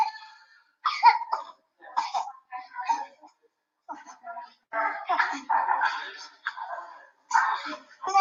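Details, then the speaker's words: Cough in a boy in respiratory distress: cough with difficult breathing, reduced feeding, sleeplessness through the night, dullness and irritability. "So what we are seeing is cough with difficulty in breathing and feeding reduced. He did not sleep whole night, dullness, and there is some agitation, that means irritability"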